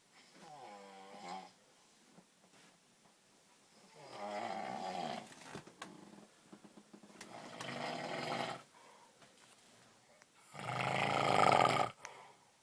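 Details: Repeated rumbling, buzzing snores of varying loudness with quiet gaps between breaths, the last loudest; snoring.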